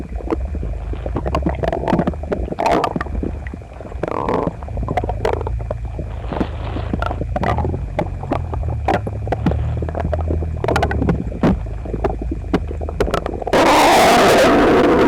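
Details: Loud continuous gurgling, squelching and rumbling with frequent bursts, recorded with a phone pressed to a male's belly while he sat gaming after a breakfast of toast, eggs and milk; he was visibly uncomfortable, stomach a little upset the other night; loud bowel sounds.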